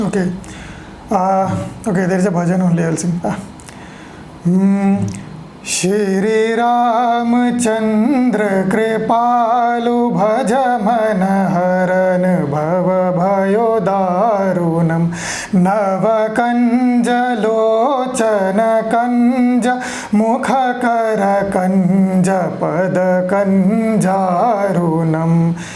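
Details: Pre-therapy sample from a 36-year-old man with ventricular dysphonia; his high-pitched voice has persisted about 20 years, beyond puberty, and laryngoscopy showed mild false vocal fold prominence during phonation.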